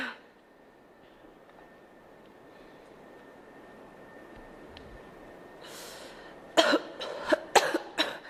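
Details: Girl coughing: a quick run of about five plain coughs after a stretch of quiet room noise.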